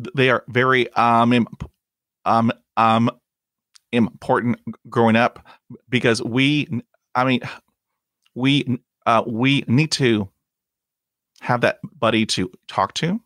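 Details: Adult man who stutters, a podcast host; he reports blocks and repetitions in his own speech; stuttering.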